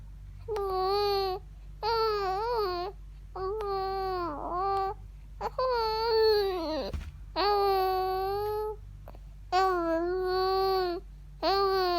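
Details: Repeated high-pitched wailing cries, about seven bouts separated by short breaths, with faint room hum; infant crying, reportedly while wanting to sneeze.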